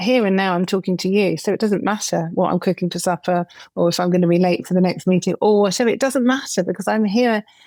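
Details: Adult woman speaking; Normal speech.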